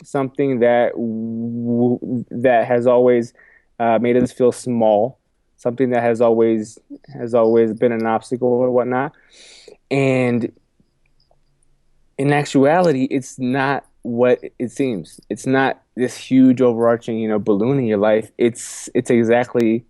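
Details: Adult man with a self-described stuttering problem, which he has accepted and spoken about publicly; stuttering.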